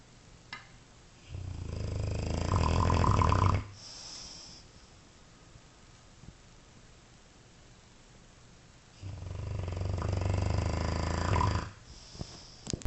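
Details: Dogue de Bordeaux asleep: two long, loud, rattling snores about seven seconds apart with quiet breathing between; snoring.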